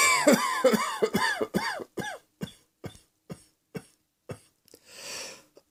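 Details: Acted coughing: a run of about a dozen voiced coughs that weaken as the breath runs out, ending with a long breathy inhale.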